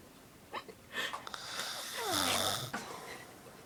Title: my stepdad says he doesn't snore.